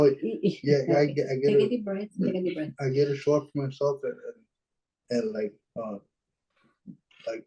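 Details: Dysarthria in a 26-year-old man with cerebral palsy; his speech is affected by the condition, which limits his expression, speaking on a webinar panel.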